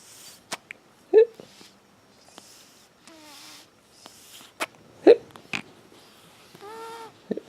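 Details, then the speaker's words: A 3-day-old with hiccups: several short, abrupt gulping hiccups with soft snorting noises between them while lying and lifting the head; ordinary newborn hiccups. "hey still got the hiccups still got the hiccups"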